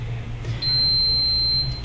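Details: Infinity EnteraLite enteral feeding pump on an IV pole, switched on after the feeding set is loaded onto the rotor: a single sustained high-pitched electronic power-on beep over low room hum.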